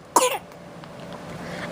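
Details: Single short, high-pitched cough from a 5-month-old infant, followed by quiet room noise; the infant also blows raspberries.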